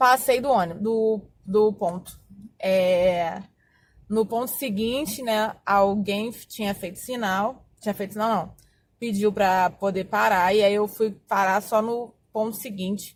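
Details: Adult Portuguese-speaking woman who says she has stuttered for more than 20 years, describing her stuttering as variable with avoidance of speaking situations; stuttering.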